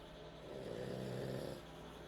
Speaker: That is the dog snoring. Dad. She went from hiccuping to snoring.